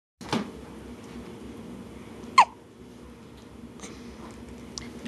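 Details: Three brief, sharp hiccup sounds a couple of seconds apart in a quiet room: hiccups.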